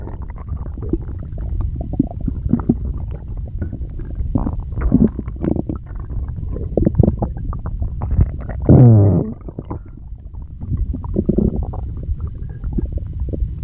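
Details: Stomach growling (borborygmi): low gurgling rumbles and bubbling with a loud drawn-out growl midway, ordinary gut movement of gas and fluid.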